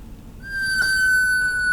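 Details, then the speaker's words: Anaesthetic machine check: oxygen cylinder turned off with flow left on, pressure gauge falling and flowmeter bobbin dropping; a steady high-pitched whistling tone starts and holds, the low oxygen pressure alarm. "watch as the pressure gage decreases and the bobbin drops in the oxygen flow meter the low oxygen alarm should sound at this point"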